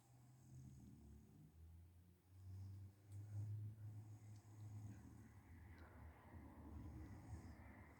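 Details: Mum snoring during sleep; loud, low, rumbling snores rising and falling with each breath.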